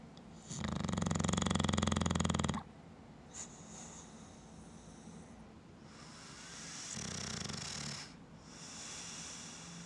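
Loud, rattling snore on the in-breath, then a quieter one about five seconds later, with soft breathing between; sleep snoring.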